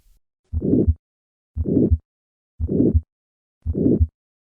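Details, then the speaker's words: Aortic stenosis at the second right intercostal space: harsh, diamond-shaped systolic murmur filling each beat between the heart sounds, about 58 beats a minute. "the murmur of aortic stenosis will on occasion be audible at the cardiac apex with a change in pitch the gallivardian phenomenon despite this increase in pitch this murmur retains its characteristic diamond shape"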